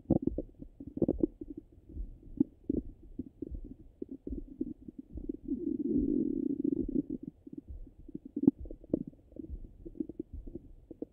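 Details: Stomach sounds when hungry and full, heard with a stethoscope: frequent low gurgles and bubbling pops with a longer rumbling stretch; active bowel sounds.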